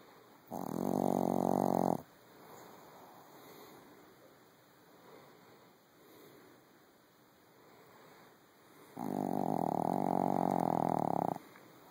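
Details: Snoring in bed: two long, loud, buzzing inhalation snores with quieter breathing between them, in a small room.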